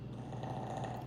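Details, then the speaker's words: Resting dog that brought her pillow over snores: steady low rumbling snore, a harmless sleep sound. "Hell, Happy done brought her pillow all the way over here in a snoring. That's what all that noise was."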